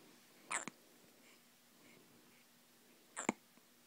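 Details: Hiccups: two sharp, brief hiccup sounds about 2.7 seconds apart in a quiet room.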